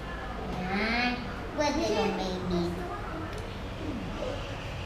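Thin, wavering, high-pitched crying and fussing over steady background hiss, typical of a newborn's cry.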